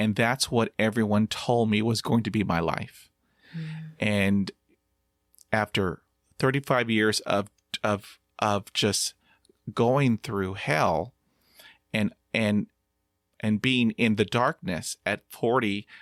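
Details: Stuttering in a 50-year-old man who practises meditation and breathing focus; audible part-word repetitions; stuttering.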